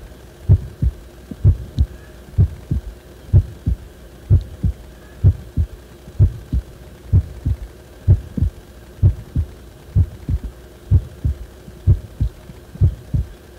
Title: 心臓がおかしくなった時の心音